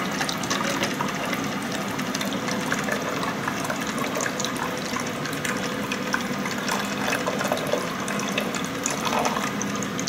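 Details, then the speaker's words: Water filling a chest drainage chamber: steady running and splashing as water is poured to the 20 cm mark while setting up a Pleurevac infant chest drainage system in a NICU in-service training. "let's say our order is 20 depending on your hand-eye coordination it's you could either pour it right in there or if you want to use the funnel that's another way you could just fill this up"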